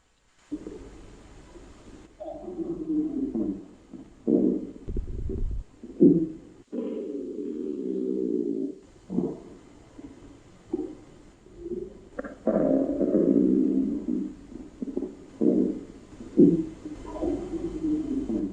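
Irregular gurgling and rumbling bursts, some long and some brief, with quiet gaps between them: normal bowel sounds from contents moving through the gut.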